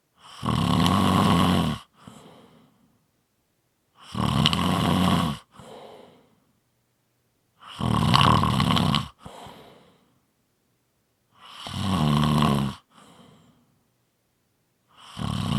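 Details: Loud, rough snores on each breath in, about 16 a minute, each followed by a softer breath out; regular snoring.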